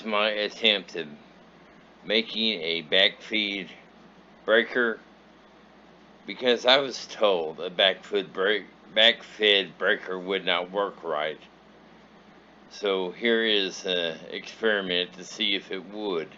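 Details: Adult male traumatic brain injury survivor, after a three-week coma, paralyzed and unable to move his left side; slurred speech; dysarthria after traumatic brain injury.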